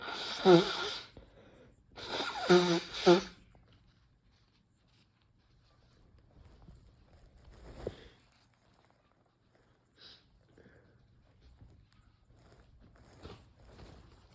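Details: Sneezing from trying Chhinkni (nasal snuff) for the first time, in someone who rarely sneezes: two loud, forceful sneezes, one a double burst, then quiet sniffing and breathing; sneezing.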